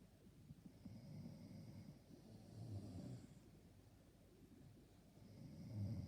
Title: snoring I can’t go to sleep Ha Ha 2022.